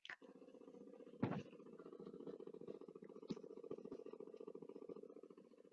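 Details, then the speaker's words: Chickadee heartbeat recorded with a cell phone voice recorder held against the bird's back while it was being banded: a very fast, even buzz, about 877 beats per minute; rapid heartbeat. "that's a chickadee's heartbeat david sidley was watching a chickadee get banded and he put his cell phone record on record on voice recorder against the chickadee's back and recorded that"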